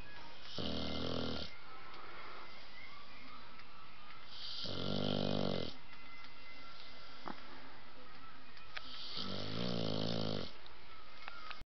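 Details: Three loud, low, rumbling snores about four seconds apart with quiet breathing between, from a sleeping blue nose pitbull puppy; ordinary dog snoring.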